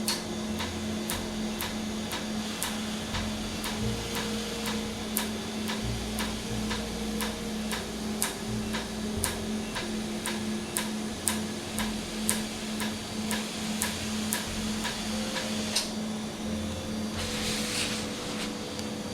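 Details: Laser tattoo removal treatment in Jamaica, after numbing: rapid regular sharp clicks, about two a second, over a steady device hum with faint music, as the laser fires pulses. The ink frosts over, with air cooling used.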